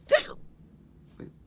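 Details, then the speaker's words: Acted hiccups in a comedy skit with a character after eating too many gummy candies: a sharp, abrupt hiccup followed a second later by a softer one. "yeah I think you have hiccups yeah you definitely have hiccups dude"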